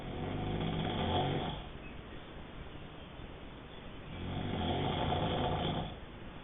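Two slow rumbling snores on the in-breath, about 4 seconds apart, with quieter breathing between; roughly 15 breaths a minute.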